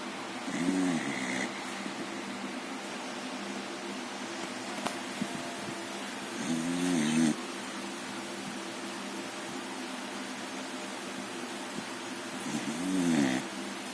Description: Cheddar is a 6 monthold American Bully Puppy who often snores in her sleep.